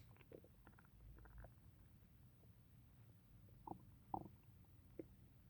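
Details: Stomach rumbling after drinking tea, which happens whenever they have tea: low gurgling rumbles with a few sharper bubbling pops, active bowel sounds (borborygmi).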